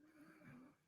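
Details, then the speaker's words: Small bull terrier sleeping beside the speaker, picked up faintly by a microphone: quiet, low, buzzing snore-like breaths in a small room; snoring. "my dog is sleeping right beside me he's snoring do you hear that through the mic"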